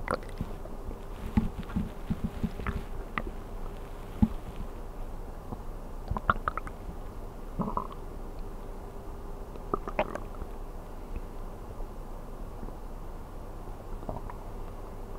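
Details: Bowel sounds recorded while sleeping on an empty stomach, from an ASMR recording: soft, low gurgles and brief squeaks over a quiet hiss, i.e. hunger stomach growling.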